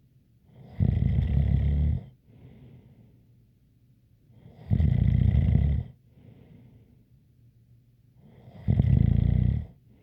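Loud rumbling snores with a faint whistle, about 15 breaths a minute, quieter breath-outs between; habitual snoring.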